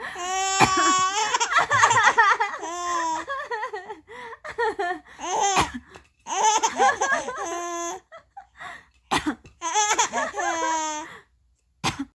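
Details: Mother's deliberate coughs, each followed by bursts of high-pitched baby laughter and babbling.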